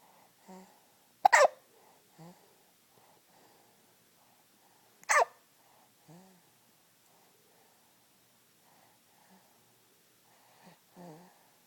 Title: Hiccups while sleeping